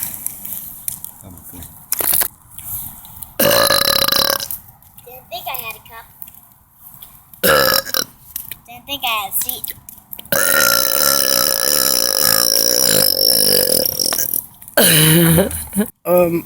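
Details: Repeated burping: several loud, drawn-out voiced belches separated by quieter gaps, with faint background talk.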